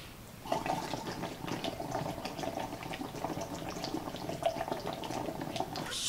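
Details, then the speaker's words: Steady bubbling and gurgling as a person breathes through water in a Frolov breathing-retraining device from Russia. The device slows the breath so less carbon dioxide is exhaled, and it is used here as a way to raise oxygen levels after a cancer diagnosis. "you can go with a machine like this from Russia which is one of the original pieces of equipment you breathe through the water"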